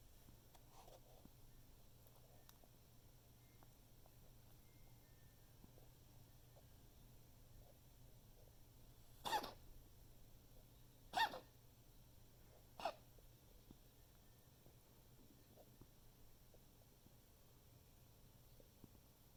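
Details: Dog recorded coughing to document for the vet: three short, sharp coughs in quick succession, then quiet with low room hum; recurring coughing episode.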